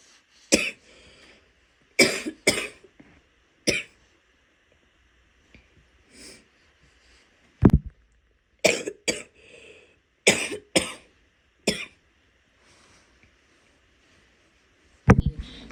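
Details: A female gives about eleven loose, wet-sounding coughs in short runs, with a few soft spitting sounds between them; wet cough.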